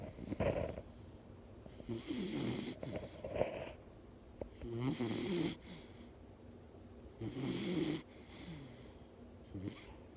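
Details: Mini or English bull terrier relaxing and snoring: snorting, fluttering snores with each breath, about 22 a minute; harmless snoring in a sleeping dog.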